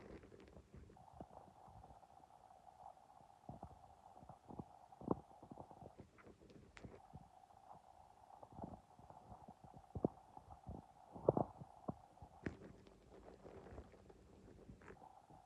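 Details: A stomach making sustained gurgling, humming noises with brief squelches and clicks, some when hungry and some after eating: ordinary bowel sounds (borborygmi).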